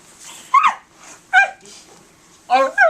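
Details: 15-year-old boy with Tourette syndrome, motor tics from age 10 and vocal tics from about 11: sudden short loud yelps and squeaky bark-like cries in bursts with quiet gaps; vocal tics.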